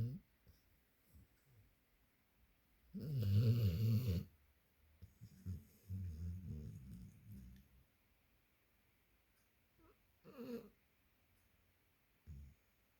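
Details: Springer Spaniel asleep, blinking and twitching, giving a couple of low rumbling snores with soft snuffles between; snoring.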